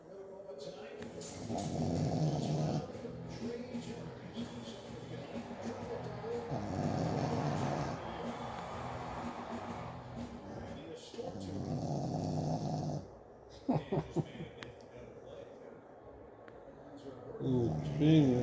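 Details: Rough, rumbling snores recurring about every five seconds during ordinary sleep.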